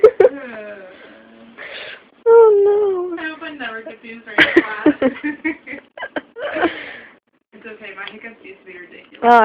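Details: Hiccups, a run of unusual hiccups.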